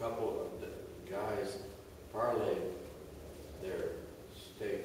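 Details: Post-stroke aphasia group member reading a book passage aloud, hesitant, with repetitions and word errors; aphasia.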